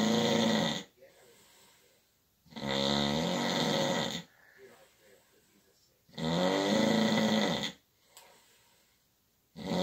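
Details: Person snoring at night: loud, rough, buzzing snores on each in-breath, about 17 a minute, separated by quiet out-breaths; snoring.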